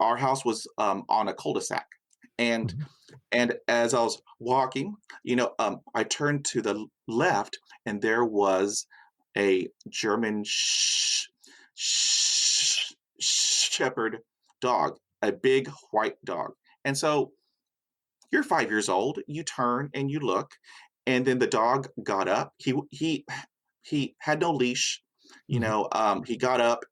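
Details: Adult male with severe stuttering that began at age five after a dog attack with a head injury, followed by a long period without speech; his mother also stuttered until age 14. Stuttering.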